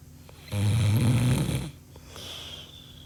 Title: Snoring Sound effects (Free Real Sfx)